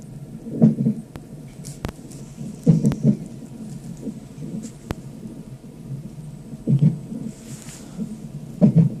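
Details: Fetal hiccups heard on a fetal monitor: muffled low thumps every few seconds over the monitor's hiss.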